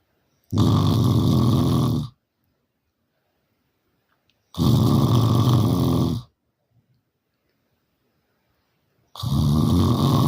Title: 🤣Loudest Snoring Ever🤣 #snoring #snoringsounds #snoringasmr #snoringtreatment #loud #review #family